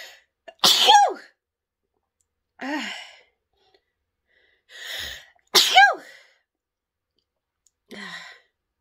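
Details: Woman deliberately sniffing pepper to provoke sneezes: a series of forceful sneezes, two very loud, with softer sneezes or nasal blasts between; repeated induced sneezing.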